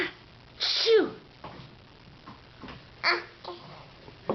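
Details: Infant who has just learned to fake a sneeze: a sharp voiced 'achoo' burst, then a softer second one, a playful imitation rather than a true sneeze.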